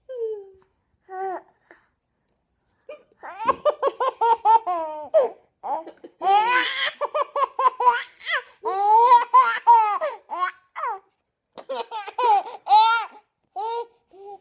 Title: Baby laughs at hiccups